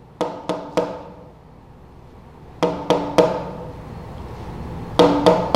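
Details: Otherwise rhythmic pulse with similar intervals, interrupted by two consecutive premature beats (extrasystole couplet), demonstrated in a vital signs semiology class.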